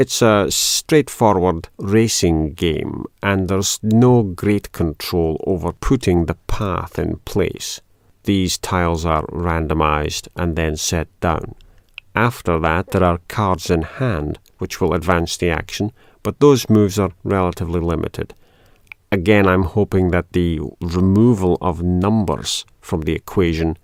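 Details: Adult male speaker; normal speech.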